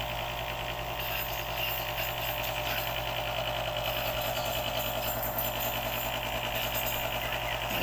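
Loud continuous rattling motor buzz: a compressor nebulizer running during an asthma treatment for a child.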